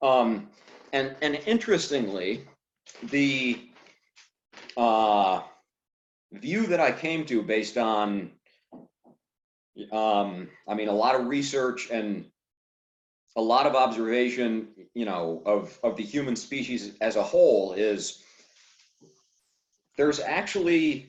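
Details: Adult man who stutters; stuttering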